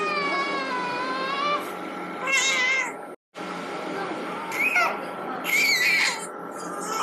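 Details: High-pitched infant cry bursts recorded during a throat scope exam in a baby diagnosed with laryngomalacia.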